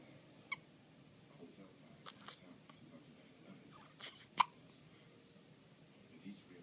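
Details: Baby girl, born at 7 lb 9 oz, who frequently gets hiccups: soft, sharp, squeak-toy-like little catches at irregular intervals in a quiet room, infant hiccups.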